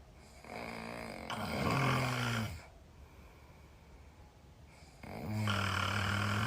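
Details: Loud snoring from a sleeper tagged as a Chinese girl, with a possible sleep apnea tag: two loud, rough snoring breaths separated by a quiet pause.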